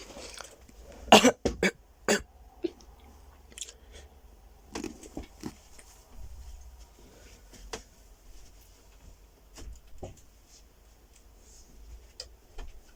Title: 15 minutes of silence occasionally broken up by frenzied coughing